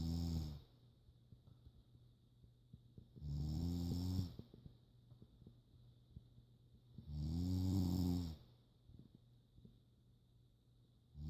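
Deep, low rumbling snores, about four seconds apart, with quiet breathing between them; ordinary snoring.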